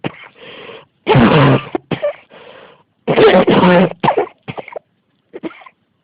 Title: 咳が止まらない46 cough